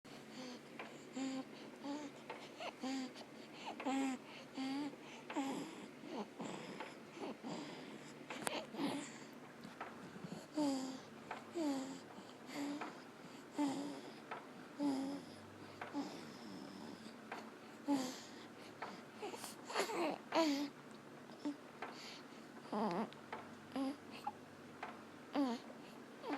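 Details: Sleeping newborn swaddled at a 30-degree upright angle in a baby swing makes a squeaky, crowing noise on each in-breath; inspiratory stridor from laryngomalacia, said to sound worse lying on his back.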